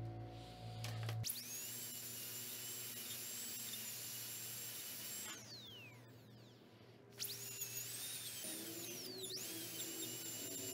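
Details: High-pitched steady dental drill whine in two stretches, pitch dropping as it spins down; cavity preparation of a replica carious front tooth on a dental manikin for a composite filling.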